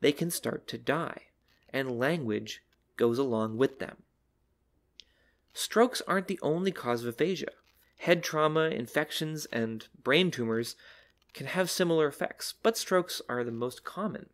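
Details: Adult speaker; no disorder.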